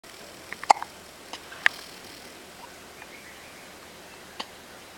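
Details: Baby with hiccups: a few small sharp clicks over several seconds in quiet room noise.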